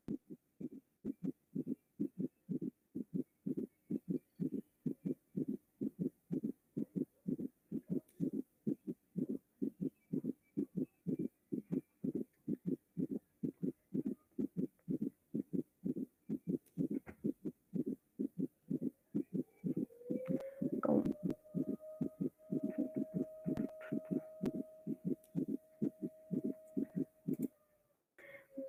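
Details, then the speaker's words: Fast, regular low heart thumps in close clusters with a steady whistling tone over later beats: a summation gallop, where the third and fourth heart sounds merge. "y luego tenemos el galope de zuma en el cual se juntan en el tercer ruido y el cuarto ruido"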